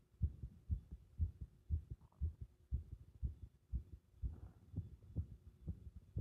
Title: 不整脈付きの圧迫心臓音